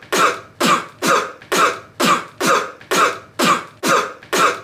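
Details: Cough: ten sharp, evenly spaced coughs in under five seconds, a rapid repetitive coughing run.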